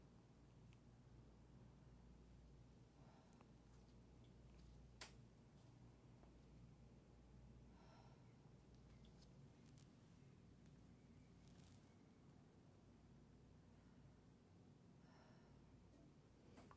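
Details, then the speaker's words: Normal breath sounds on stethoscope auscultation during a pulmonary exam: the patient sits with shoulders rolled back and takes full, slow, deep breaths in and out through the mouth to avoid nasal whistles. Faint, with no added sounds. "every time I place the stethoscope on you you take a full inhalation and exhalation through your mouth the reason we're going through the mouth is you don't get any whistles for the nose"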